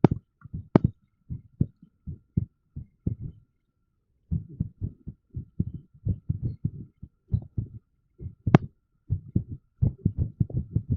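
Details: Low, dull heart thumps at uneven intervals, bunching in places with a pause of about a second, recorded with a TENS device in use: irregular heartbeat.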